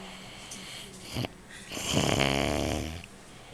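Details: Adult man (uncle) snoring asleep in a "food coma" after eating three Jelly Munchkins on Thanksgiving Day 2009: a loud, rattling inspiratory snore preceded by a softer breath, with faint room noise. Ordinary snoring.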